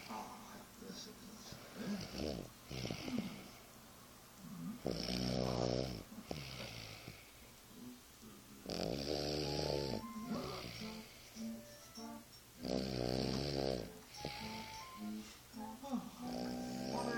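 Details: Loud, rattling snores on each breath in, with quieter breaths out between them, in a small room; snoring.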